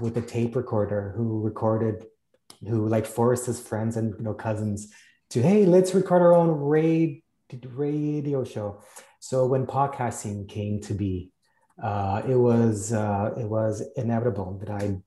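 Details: Adult male cartoonist who stammers, speaking on a panel of people who stammer; stuttering.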